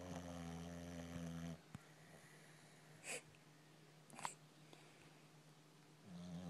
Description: My dog snoring puppy